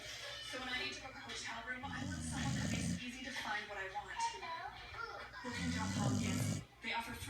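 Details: Snoring from Sally, an 11-month-old puppy asleep on her back in a lap: two low, rattling snore bursts about four seconds apart, over a television advertisement.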